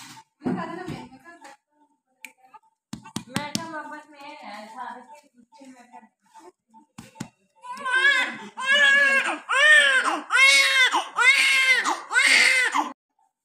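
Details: Handling and rustling, then a newborn's strong, rhythmic cry in repeated bursts about once a second during nursing care immediately after delivery; a normal, vigorous newborn cry.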